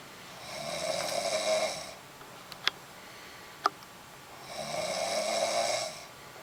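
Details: Adult woman deeply asleep in bed: two long rattling snores on breathing in, with a quiet pause and two faint clicks between them; regular snoring in sleep.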